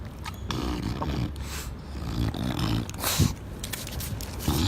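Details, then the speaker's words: Brachycephalic noisy breathing from an excited short-nosed dog being given a bum rub outdoors: low, rough snorting breath noises with snuffly bursts. "And if you haven't noticed the noise of a brachycephalic dog, you can hear Ollie. He's quite excited because he's getting a bum rub at the moment."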